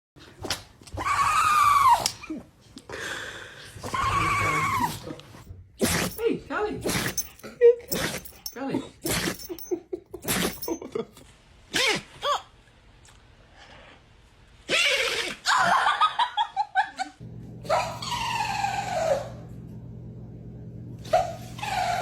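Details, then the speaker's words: A dog gives a series of sharp, forceful nasal bursts, one big sneeze, with a person's voice nearby: sneeze. "Oh my goodness, what a big sneeze. Poor little buddy."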